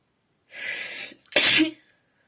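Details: A breathy in-breath, then one sharp explosive sneeze ending in a short voiced tail, labelled F; a single sneeze.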